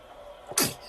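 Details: A baby's photic sneeze when the morning light is too bright: a single small, sharp sneeze, a brief hissing burst with a quick falling squeak, after near silence.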